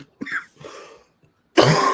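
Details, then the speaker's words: Adult livestreamer recovering from congestion, cough still lingering: coughing while talking. "you can hear but the coughing is still there a little bit but I'm I'm on the mend guys I'm on the mend it was it wasn't a great feeling to be feeling that congested"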